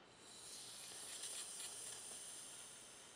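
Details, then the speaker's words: Manual aneroid blood pressure cuff (sphygmomanometer) on the arm, inflated to about 160 then slowly deflated, steady soft hiss of air from the valve as the needle falls at the proper rate; EMT training demonstration. "so again when you inflate the cuff and 160 is just an arbitrary number depending on your patient population you will modify that this is the rate we should be falling the needle at"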